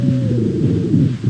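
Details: Wheezes.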